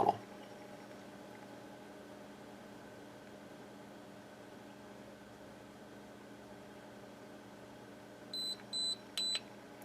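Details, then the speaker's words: Steady room hum, then a short series of high electronic beeps from a dental curing light set to a 20-second cycle, light-curing chairside processing material around a Zest Locator housing in a complete denture on a model. "light cure for about 20 seconds on each slope and i have my curing light set to 20 seconds"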